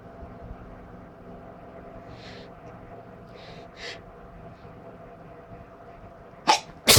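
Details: Sneezing before bed: quiet room noise and a few soft sniffs, then two sharp sneezes close together at the end.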